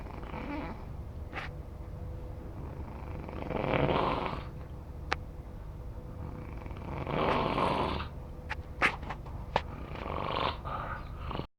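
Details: A sleeping dog with slow, rumbling breath noises every few seconds and a few clicks: snoring.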